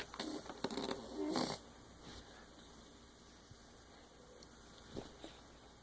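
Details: Snoring-type noises from a sleeping baby girl just after midnight: a brief burst of snorting, snore-like breath noises, then quiet.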